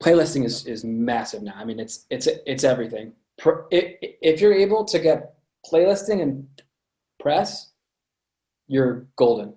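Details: Adult man with a lifelong stutter present since birth, which he says listeners can hear; stuttering.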